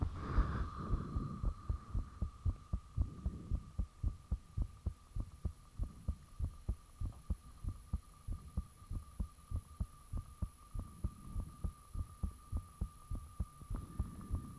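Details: Self-recorded heartbeat with the fan off, taken shortly after the heart became very thumpy: steady, rapid, low thumps, loud and close, over a faint steady hum.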